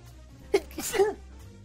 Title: 【自用無烤】sneeze